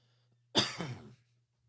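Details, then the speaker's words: Adult's single short, harsh, dry unproductive cough with no rattle, present since sitting in a hospital waiting room; dry cough. "And since I went in the hospital waiting room, I've had this annoying dry cough."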